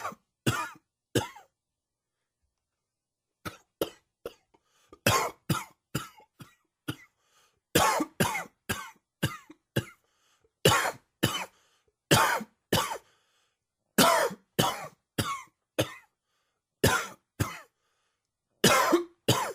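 Repeated bursts of dry coughing in clusters, roughly twenty coughs over twenty seconds; an allergy-triggered coughing fit.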